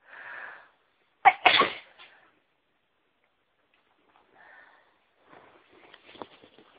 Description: There is a certain flower that always makes me feel really sneezy and I was around them today.... achoooo, achoooo, achoooo!!!!